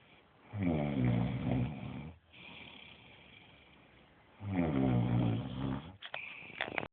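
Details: Child snoring: two loud, rumbling snores on breathing in, quieter breaths out between, roughly 15 breaths a minute.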